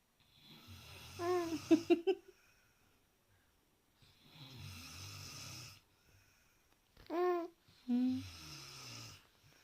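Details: Low rattling snores on each breath, with brief voiced sounds between them; ordinary snoring.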